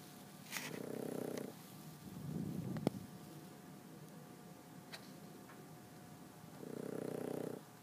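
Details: Gentle snoring in sleep: soft, low rumbling breaths at long intervals, with light room noise between them.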